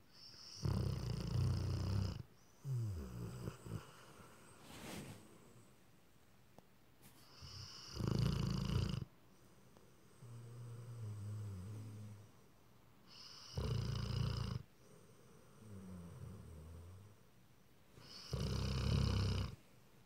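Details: Rottweiler-husky mix dog: deep, rumbling snores in a steady rhythm, each loud inward snore followed by a softer fluttering outward breath, about 12 breaths a minute; snoring.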